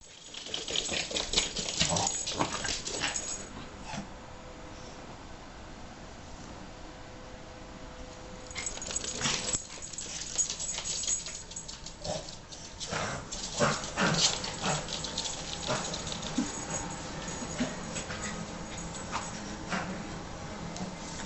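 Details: Reverse sneezing in a small-breed Maltese dog: bouts of rapid, noisy snorting breaths drawn in through the nose; other causes are possible, but in this dog it is reverse sneezing.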